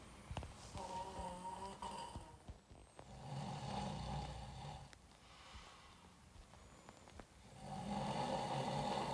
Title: The snoring sound of a famous Iranian actor recorded by his friend😂